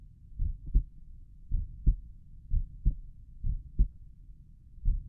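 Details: Own heart sounds at Erb's point, recorded lying down and trying to relax: steady, regular two-part lub-dub at about 58 beats a minute.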